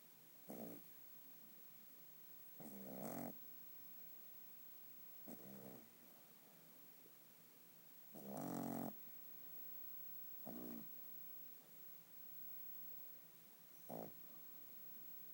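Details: Dog asleep and snoring: short, rumbling, growl-like snores coming irregularly, about 11 a minute.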